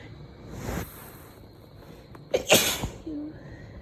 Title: Christmas Eve Sneezes